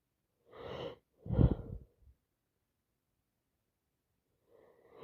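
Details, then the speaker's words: Someone with a wet cold sneezing: two sneezes, a short wet one then a forceful burst, followed by quiet and a faint breath. "Oh my god. All over my face. I need a tissue. I really need a tissue."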